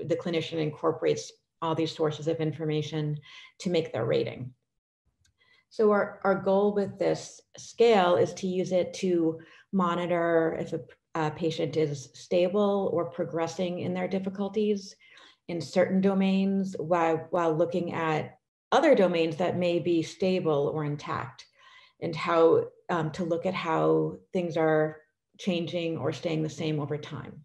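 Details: Adult woman speaking; normal fluent speech.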